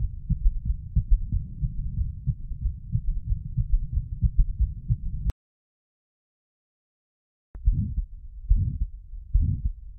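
Muffled, low, crowded heart sounds at about 90 a minute, irregular, from a heart in congestive failure.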